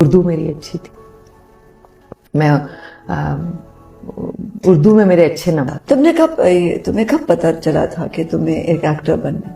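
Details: Woman who understands questions but struggles to answer, with many pauses, half-finished sentences, forgotten words and trouble naming books, attributed by a clinician to Broca's aphasia. Finding: Broca's (expressive) aphasia.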